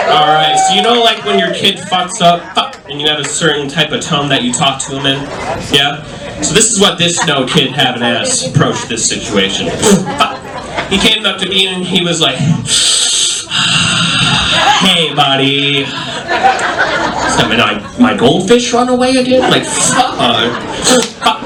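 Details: Adult male stand-up comedian with self-reported Tourette syndrome, including involuntary yelling of bad words and tic noises; live comedy set; vocal tics (Tourette syndrome).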